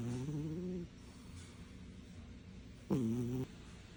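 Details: Two loud, buzzy, tonal snores separated by a quiet pause, from a sleeping cat snoring loudly; snoring.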